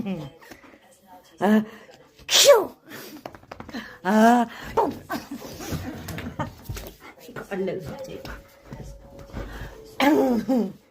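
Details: Several sharp sneeze-like bursts among voice sounds in a small room. Repeated sneezing.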